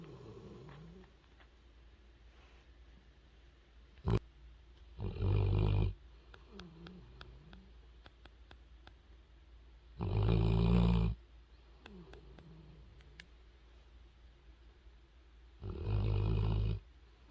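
Sleeping puppy snoring: three loud rumbling snores about every five to six seconds, with softer snuffling breaths between them.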